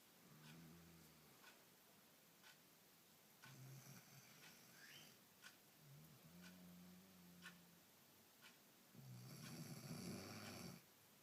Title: Snoring